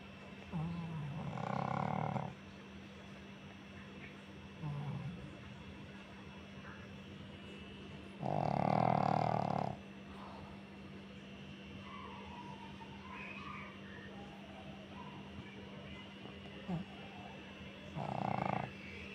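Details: A pug snoring during cuddle time: loud, rough, rumbling snores at irregular intervals over a steady background hum; snoring in a flat-faced dog.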